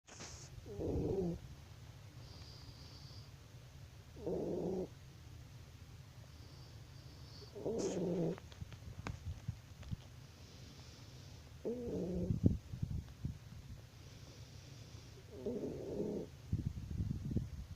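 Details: Snoring: low rumbling snores recurring about every 3.5 seconds over a steady low hum, with soft snuffles between them.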